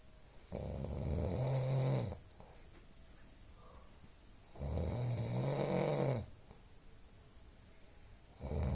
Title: Snoring festival